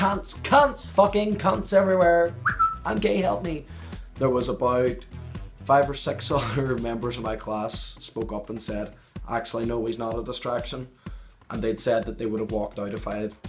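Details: Adult man with Tourette syndrome, a neurological disorder with involuntary motor and phonic tics; phonic tics include exclamations like "hey" and involuntary swearing interrupting his speech: vocal tics with coprolalia (Tourette syndrome).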